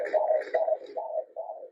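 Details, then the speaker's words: At-home fetal Doppler slid across the mother's belly with ultrasound gel: rapid, regular whooshing fetal heartbeat, displayed rate 150–152 beats a minute. "so when you find him when you find your baby that's the magic sound you want"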